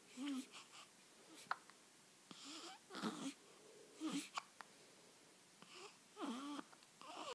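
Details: A young child hiccups repeatedly, with several abrupt, voiced hiccups close together in a quiet room.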